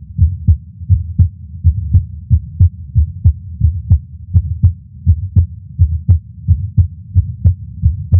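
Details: Heart sounds recorded with a Stemoscope at the tricuspid area, lying on the chest during chest pain: regular low thumps about 88 beats a minute over a steady low hum.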